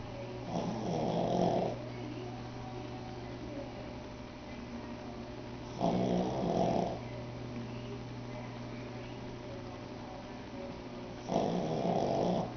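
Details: 8-month-old Pug snoring; loud, rattling snores about every 5.5 seconds (roughly 11 breaths a minute) over a steady hum, said to get louder the longer he sleeps.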